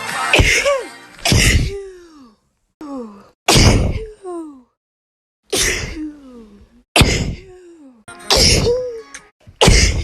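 A run of about seven separate sneezes, each a sharp explosive burst, some with a voiced 'choo' sound trailing off.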